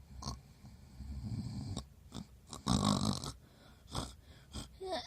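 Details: Short snorting, wheezy breaths in irregular bursts, with one louder rough snore in the middle; snoring.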